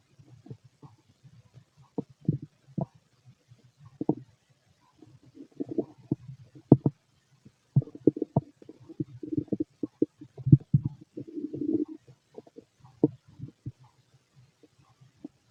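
Irregular gurgles, squeaks and rumbles in bursts over a quiet background. These are normal bowel sounds of an empty stomach.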